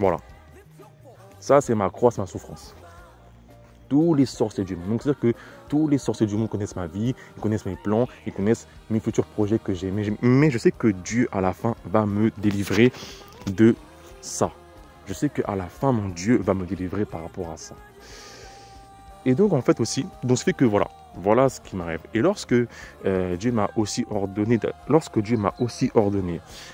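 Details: Adult man speaking French who describes his own stutter as terrible and audible in his voice; he attributes it to sorcery; stuttering.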